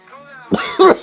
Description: Yes, did survive after this clip. (Of course, he had a classic coughing episode—totally us!)